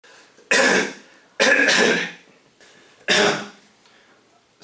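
Three sharp, dry-sounding coughs from an adult acting as a patient, with quiet room sound between them; an acted cough.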